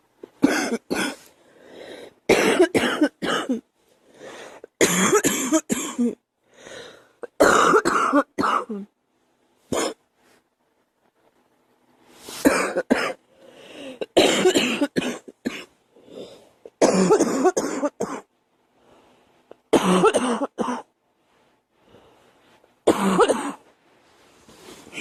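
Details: Girl coughing: repeated bouts of forceful coughing, each burst holding several coughs, separated by brief pauses and breaths.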